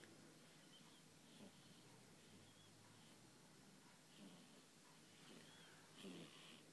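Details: 2-week-old baby girl asleep makes soft, irregular snuffly snorts and faint squeaky noises over steady room hiss; infant snoring.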